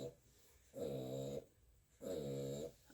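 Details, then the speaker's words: Reverse sneezing in a female dog: two long, harsh, honking inward snorts. "My dog is reverse sneezing."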